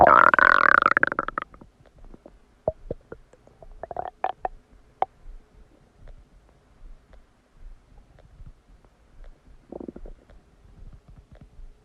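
A long gurgle followed by scattered bubbling clicks and pops from the belly; ordinary digestive bowel sounds after a meal.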